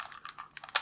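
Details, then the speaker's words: Pulmonologist closing a Seretide Diskus dry-powder inhaler demonstrator device by twisting the wheel back: light plastic clicks ending in a sharper snap as the lever returns on its own. "so now to close it you just basically twist the wheel back in you don't touch the lever you don't need to and you will see actually that this lever will go back on its own"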